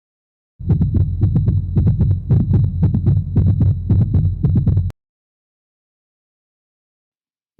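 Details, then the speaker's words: Teaching recording of a gallop rhythm: rapid heartbeat with a three-part galloping cadence, an extra sound in each cycle. "или сумма ционный дополнительный тон занимает середину диастолы давайте послушаем как звучит ритм галопа"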